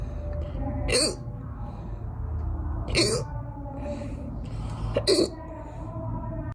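Three short, abrupt hiccup sounds about two seconds apart over a steady low background hum; ordinary hiccups.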